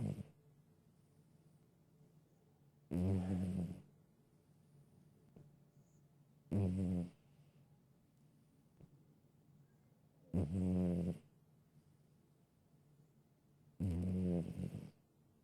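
Four deep, rumbling snores at regular intervals, about 17 a minute, with quiet pauses between them; ordinary snoring.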